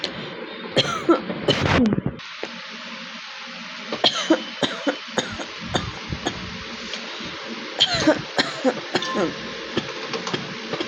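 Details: About a dozen bursts of short, dry coughs and throat clearing from an adult with a real cough from a bad cold.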